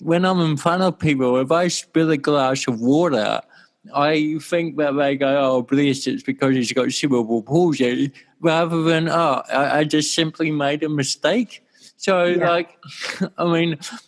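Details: Adult male with cerebral palsy since birth in 1984; his walking and talking were affected; he had daily speech therapy for his first seven years; dysarthria (cerebral palsy).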